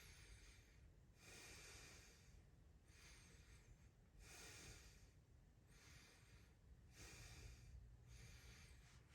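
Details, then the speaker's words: Normal vesicular breath sounds, clear bilaterally over the posterior chest by stethoscope during deep breaths; anterior chest also clear; respiratory rate 14, unlabored; no crackles, wheezes or rhonchi; symmetrical thoracic configuration. "spent long sounds I clear um bilaterally um this patient respiratory rate is uh 14 and non Labor uh and um I don't hear any adventitious bread sounds uh no crackles no wheezing uh no ronai"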